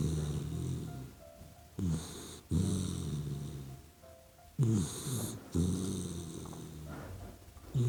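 Soft, low, rattling snores from a sleeping puppy, with music in the background.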